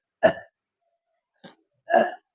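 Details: Woman with gas and belching complaints for five years (also stated as 12 months, with acidity): three short, abrupt voiced throat bursts, the middle one faint, from repeated belching (eructation).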